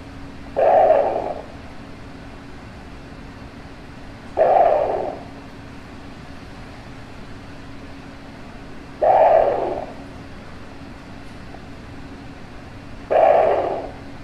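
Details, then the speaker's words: Doppler heartbeat of a rehabilitating sea turtle weighing about 5,090 g with healing plastron injuries: four slow whooshing pulses, about 15 a minute, over a steady hum. "we're gonna try again he's gaining a little weight and said not always get me to find it you've got whooshing sound this it's hard and then trying to keep it on it"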